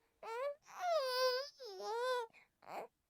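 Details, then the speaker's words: Baby boy being calmed with movement and loud voice: short drawn-out whining cries, mild fussing or complaining rather than true crying. "Yeah, this is not crying, sorry. This is complaining a little bit. You are allowed to complain."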